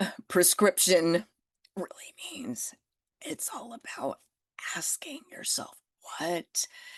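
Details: Adult with spasmodic dysphonia that began after stress and illness while building a business. It is still audible and being managed naturally; Botox declined: spasmodic dysphonia.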